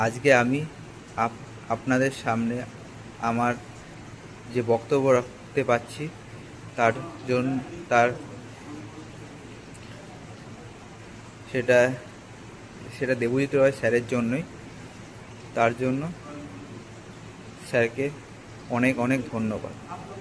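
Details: Adult male who has stammered for many years, recorded after about four weeks of online fluency training; long pauses between phrases heard; stuttering.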